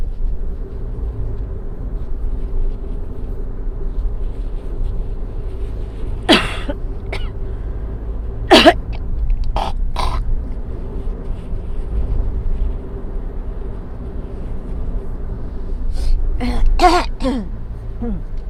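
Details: Several forceful throat clears and short coughs, spitting phlegm, over steady car engine rumble while driving during an asthma flare.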